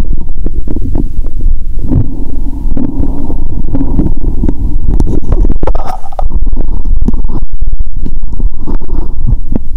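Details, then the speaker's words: Woman's stomach heard through a stethoscope after drinking cola with Mentos, belly painful: continuous low gurgling and rumbling with bubbling bursts, active bowel sounds (borborygmi). "Bạn có thể nghe thấy âm thanh của cola trong dạ dày của mình 👂 ♪."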